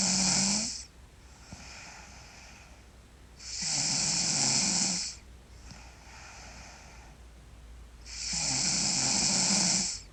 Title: Sleeping Girl Loud Snore